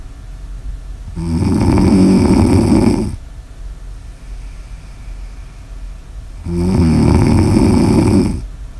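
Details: Snoring in an ASMR sleep recording: two long, loud, rattling snores on the in-breath, with quiet breathing between them; ordinary snoring.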